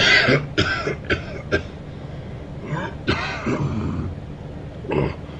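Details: Adult man coughing during sleep: several short, sharp coughs and throat-clearing bursts in two clusters, with quiet room noise between; cough.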